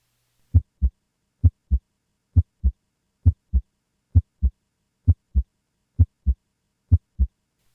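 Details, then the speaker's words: Normal S1 and S2 in a teaching recording: regular paired lub-dub heart sounds at about 66 beats a minute. S1 is mitral and tricuspid closure and S2 is aortic and pulmonic closure, best heard with the stethoscope diaphragm. "Together, S1 and S2 form the "lub-dub" of the heartbeat."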